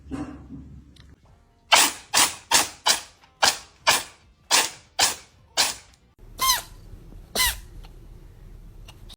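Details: About eleven short, sharp, hissing bursts in quick succession, some squeaky, from cats; repeated cat sneezes.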